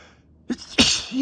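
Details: Male, allergy sneezes: a short inhaled catch followed by one sharp, explosive hissing burst; a single sneeze.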